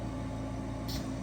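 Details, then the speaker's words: Five-liter oxygen concentrator with a home fill system, run at least 10 minutes first; after the low/normal light it checks the tank's oxygen, then starts filling; steady low motor hum with a faint brief hiss: home oxygen fill station filling a portable tank. "after it checks this tank to see how much oxygen is in it it'll move over to filling"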